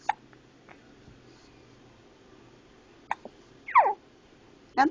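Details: 4-month-old infant with hiccups, not eased by burping and refusing milk: a few sharp, brief catches with small vocal sounds between, quiet room; infant hiccups.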